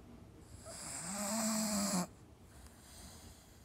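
A single drawn-out, whistling snore on the in-breath, about a second and a half long, then quiet room noise: a dog snoring.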